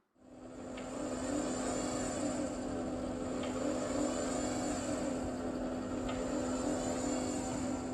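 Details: Homemade automatic bag valve mask ventilator (proof of concept, built in 8 minutes) squeezing a resuscitation bag; steady motor hum with faint regular clicks about every 2.7 seconds.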